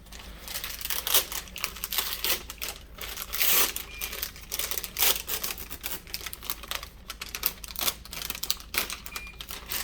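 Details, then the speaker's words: Crinkling and tearing of a plastic-paper package as a sterile transparent Tegaderm dressing is opened before sterile gloving, during a student nurse's PICC line dressing change for an adult woman admitted with acute pancreatitis. "Je vais ouvrir le Tegaderm avant de mettre mes gants stériles. Oh là là. Ok. On va tout d'abord ouvrir le Tegaderm."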